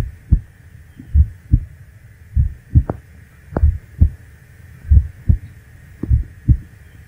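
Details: Slow, loud recording of the person's own heartbeat for relaxing ASMR, shown with an EQ graph visualization; paired thumps at about 50 beats a minute, a normal heartbeat.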